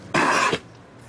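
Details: A single loud, harsh, explosive burst lasting under half a second, then quiet room noise: a circus horse's cough.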